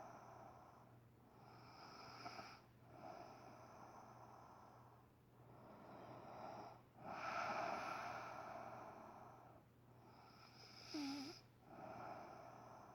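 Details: Adult woman snoring loudly during sleep at 6am, waking her partner: loud, noisy snores at about 20 breaths a minute, some with a snorting, fluttering edge.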